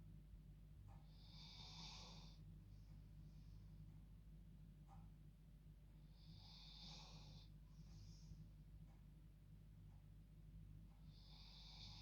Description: Dog snoring like humans whilst enjoying her bed time